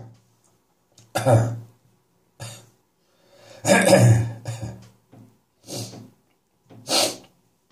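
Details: Adult's morning productive (wet) cough from residual catarrh as a chest infection clears: a run of loose, rattly coughs with throat clearing.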